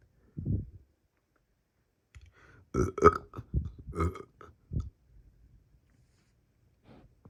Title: Me burping